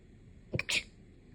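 A single quick sneeze: a short intake followed by an explosive burst of air.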